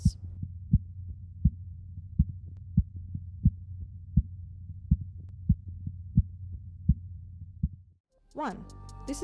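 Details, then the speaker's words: Phase 1 Korotkoff sounds, heard by stethoscope or Doppler distal to a blood pressure cuff as cuff pressure is released; sharp regular tapping over a low hum, marking systolic pressure. "the first sound heard as the cuff pressure is released this sound provides the systolic pressure reading"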